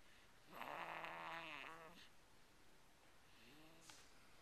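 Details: Snoring at 5 weeks of age: a drawn-out, buzzing, voiced snore on one breath, then a softer second snore over quiet room hiss.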